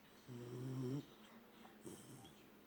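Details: One low, rattling snore on an in-breath, then quieter breathing, from a sleeping 1-year-9-month-old Beagle; ordinary snoring.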